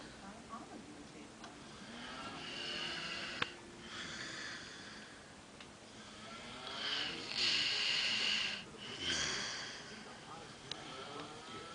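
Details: Drunk man snoring in a bathroom: noisy, rasping snores and snorts with a wheezy edge, recorded in an echoing small room.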